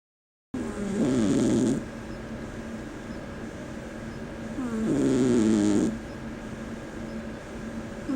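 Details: Sleeping tiny cat snoring: two soft, rattling snores, roughly 15 a minute, with quiet breathing between against low room hum.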